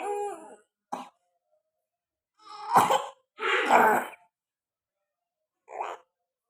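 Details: Several short, harsh coughing bursts separated by quiet pauses, with two louder hacking coughs in the middle; a dog coughing while unwell.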